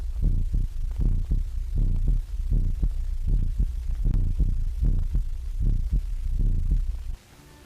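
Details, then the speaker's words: Amplified heartbeat, loud muffled low thumps roughly 75–80 beats a minute with steady hum, transmitted via electrical stethoscope and telephone equipment in a 1930 animated film so a whole room can listen simultaneously. "a whole room full of students or consultants can now listen to the same heart or body sounds at the same time"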